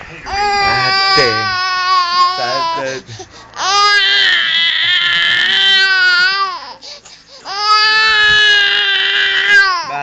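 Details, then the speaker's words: Infant crying loudly in long, sustained wails with brief breaths between, in a small room; the caregiver says the baby is very angry and wants to be carried. "ka umiiyak? Bakit ikaw umiiyak? Ha? Bakit ka naiyak?"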